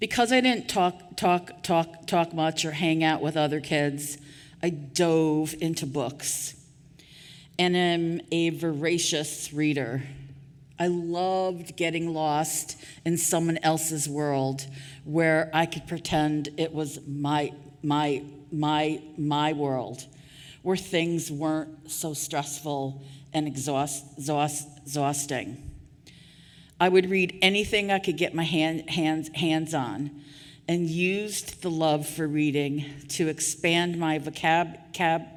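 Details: Adult woman who stutters, after years of covert stuttering; repetitions of sounds, words and phrases; stuttering.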